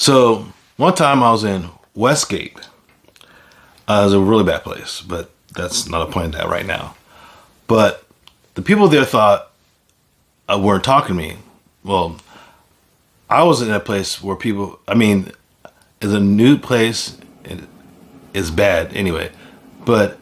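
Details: Man with aphasia after a stroke, an acquired communication disorder: aphasia.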